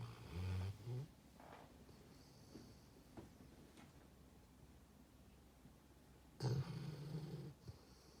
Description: #withME Just a video of dexter snoring in his sleep.